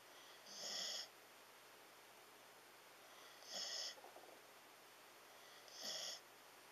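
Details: Snoring from a sleeping Siberian Husky: three slow, airy, whistling snore breaths about every 2.5 seconds against steady background hum.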